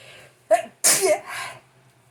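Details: Sneeze during a sneezing attack: a short sharp in-breath, then one loud explosive sneeze with a brief trailing exhale; a single ordinary sneeze.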